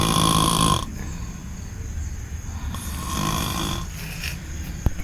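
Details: Sleeping person, whom an onlooker jokingly suspects is on Xanax, gives a loud, harsh rattling snore, then quieter noisy breathing in a small room; heavy snoring.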